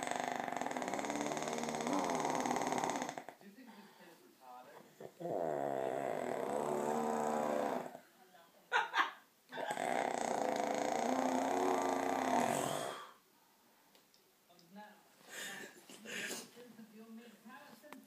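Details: Adult man (father), very tired after a long workday, asleep in a chair: loud, harsh, rumbling snores in long drawn-out cycles with quiet pauses and small sounds between; heavy snoring.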